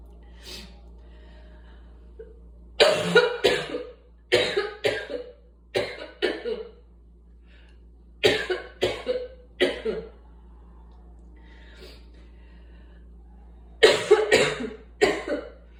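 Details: Repeated bouts of coughing in short clusters, about fifteen coughs in all, from asthma.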